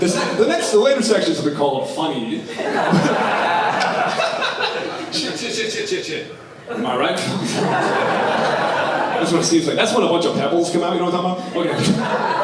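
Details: Adult male stand-up comedian with Tourette syndrome demonstrating his vocal tic of involuntary obscenities, which he says he can sometimes hold or partly suppress; vocal tics (coprolalia) in Tourette syndrome.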